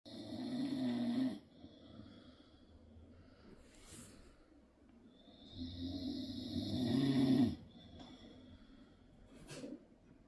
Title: dad snoring 😴